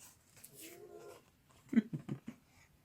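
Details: A cat snoring while asleep on its owner's lap: soft whistling breath, then a few low, quick snuffling pulses.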